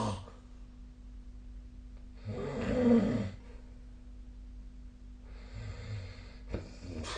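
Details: Snoring recorded during sleep with the SnoreLab app on 2025/01/15.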